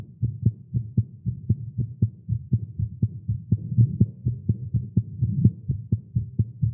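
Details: Male heartbeat after exercise and caffeine: rapid dull beats at roughly 125 a minute, slightly uneven spacing, over a low hum; fast heartbeat, tagged as irregular.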